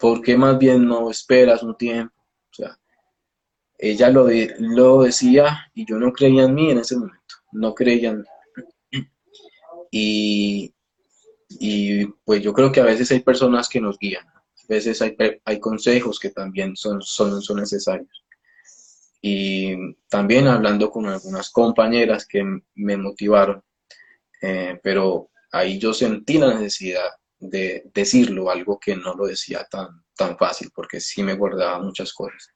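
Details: Adult male speech-language pathologist who stutters, speaking Spanish; stuttering.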